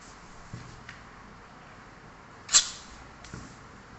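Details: Indian talking parrot sneezing: a single sharp, hissing burst with a few faint clicks around it.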